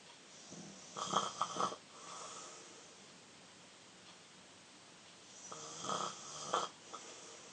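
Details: Younger brother snoring in sleep: two rough, fluttering snores a few seconds apart, each with a rattling inhale and a softer breath out.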